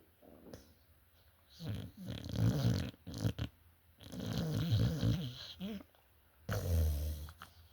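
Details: Sleeping dog snoring, with irregular low rumbling breaths and snorting noises.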